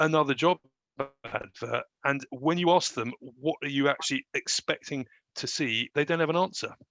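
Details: Adult graduate who stammers and tried to hide the stammer in job interviews; real, unscripted speech; stammering.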